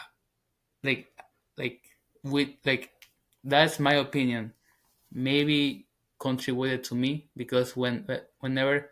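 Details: 21-year-old man, English as second language, former covert stutterer now stuttering openly. Finding: stuttering.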